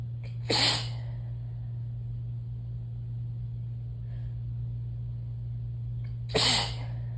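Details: Two wet, explosive sneezes about six seconds apart, each preceded by a short inward breath, over a steady low hum during a very sneezy spell; sneezing.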